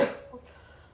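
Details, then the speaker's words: 18-year-old woman, sick for 2 days with a broken voice; cough. "Ça va faire 2 jours, j'ai rien fait, je suis malade, j'ai la voix cassée."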